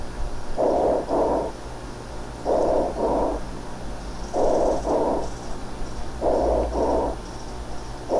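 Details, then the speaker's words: Tubular bronchial breath sounds without crackles, inspiration and expiration of nearly equal duration, heard over lung surrounding still-consolidated areas in pneumonia during resolution, reflecting restricted lung expansion. "fíjense cómo es un sonido tubular no hay estertores no hay crepitaciones notaran que la inspiración es más corta"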